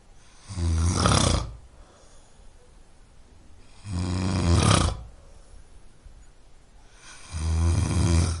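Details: Man snoring: loud, low rattling snores on each in-breath, three in the clip, about 17 breaths a minute, with quiet out-breaths between them.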